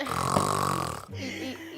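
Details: Acted snoring for comedy: a loud, rattling snore on the in-breath, then a softer breath out, complained about by the person lying beside the snorer.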